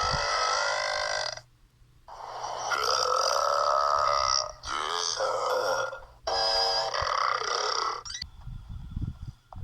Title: Burps compilation 57